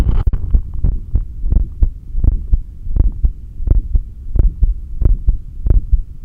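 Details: Normal heart sounds recorded through a stethoscope at the apex during exhaled (stomach vacuum) and inhaled breath-holds, with steady low thumps at about 85 a minute, background hum and occasional stethoscope noise.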